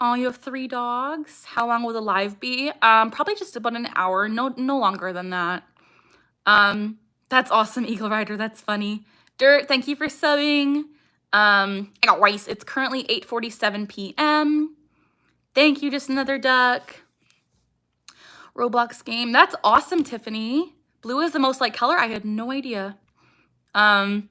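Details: Young woman with Tourette syndrome whose speech is interrupted by her vocal tic "I got rice"; other vocal tics barking and "ha", motor tics facial grimacing and eye blinking; vocal tic.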